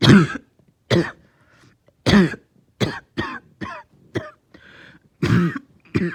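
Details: About ten harsh, throaty coughs and throat-clearing bursts with short pauses between them, from a person with a lingering cough that started last night, along with a headache; cough.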